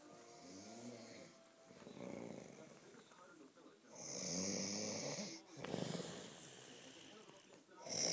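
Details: Rough, rattling breathing with low buzzing during breaths and some high hissy background noise; snoring.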